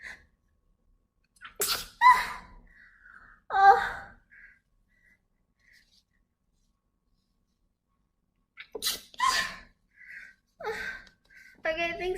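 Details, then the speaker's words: Female, sneeze felt at the tip of the nose, saying she can't stop: several sharp sneezes in two bursts with short breaths between; repeated sneezing. "It's on the tip of my nose. [snorts] You can feel it happening. I don't like this feeling. Oh, I don't know. Oh, [snorts] we [snorts] got him. Oh, now I can't stop sneezing."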